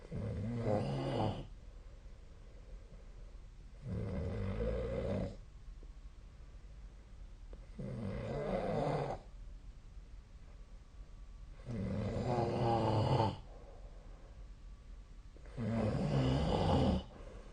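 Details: Snoring recording from 2024/12/20: five loud, rattling snores, each about 1.5 seconds long and roughly 4 seconds apart, about 16 breaths a minute; steady snoring during sleep.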